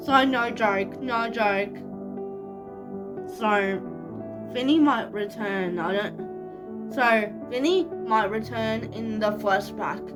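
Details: 25-year-old woman living with cerebral palsy, speaking naturally in a vlog: speech in cerebral palsy.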